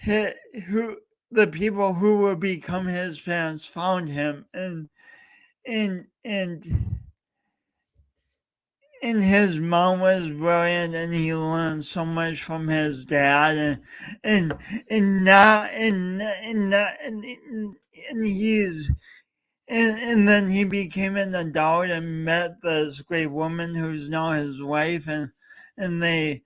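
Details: Male host attempting to talk live for three hours straight to mark speech impediment day, with frequent word repetitions heard; stuttering (word repetitions).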